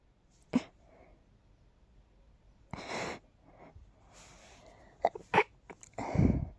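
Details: Several sharp sneezes with quick breaths between them from a person whose nose is tickly and stuffy all the time during pollen season; allergic sneezing.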